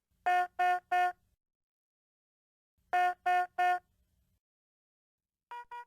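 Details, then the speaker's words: Medium-priority (yellow) patient monitor alarm, signalling a non-life-threatening condition such as heart rate crossing its high or low limit: two bursts of three steady electronic beeps. "a yellow alarm indicates a non life-threatening condition such as when the heart rate measurement violates the high or low limits the cause of the alarm displays with a yellow background and sounds like this"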